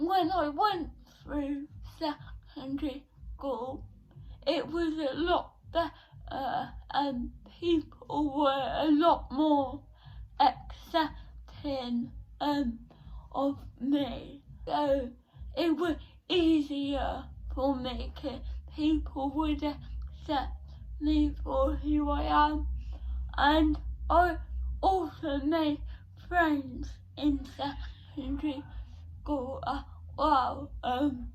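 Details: 17-year-old female with cerebral palsy since birth, diagnosed at 14 months, affecting her speech, speech therapy from an early age; dysarthria.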